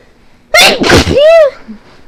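A loud, forceful sneeze with a voiced, high-pitched ending.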